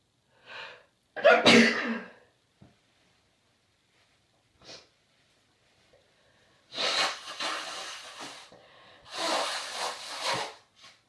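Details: Sneezing with a cold: several sharp sneeze bursts, some with an in-breath before, then two longer noisy sneezes; repeated sneezing.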